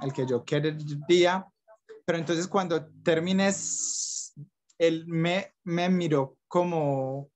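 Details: Young adult man from Medellín, Colombia, who stutters, describing blocks and repetitions in his own speech; stuttering.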